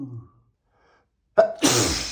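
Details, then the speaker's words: Huge sneeze from a person (labelled M), during a sneezing bout with snorts: a sharp inward gasp, then one loud explosive sneeze with a noisy rush of air. "I'm going to sneeze. You I need to sneeze. I'm going to sneeze."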